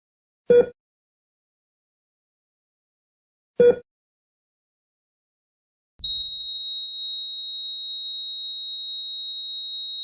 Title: Heart rate monitor - sound effect